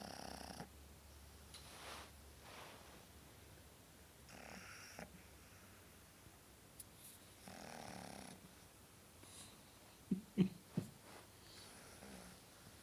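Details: Sleeping pug snoring: noisy, rough breathing in and out with a snorting snore on each breath, typical of flat-faced breeds.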